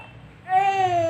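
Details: Infant with a cough and a runny nose: a single high-pitched, sustained cry rising out of quiet room noise.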